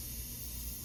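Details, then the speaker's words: Suction machine switched on during tracheostomy care and suctioning, a nursing competency demonstration; steady hiss with a low motor rumble before the suction catheter is inserted; suction machine running. "So, first I'm going to get the suction tubing. Got it nearby. And I'm going to connect without breaking stability of my right hand. And then I'm going to turn on. It's going to get a little loud here."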